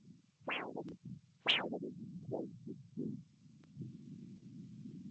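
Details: Doppler signal over the brachial artery during blood pressure cuff occlusion, recorded for ABPI (ankle-brachial pressure index) measurement.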